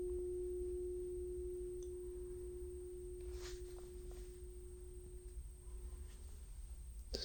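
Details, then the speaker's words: Simulated ASMR cranial nerve VIII exam: struck tuning fork placed on the bone behind the second ear, a steady pure hum fading over about five seconds, as in a Rinne test. "now we're going to do the other ear going to place it on the bone just let me know when you can't hear it"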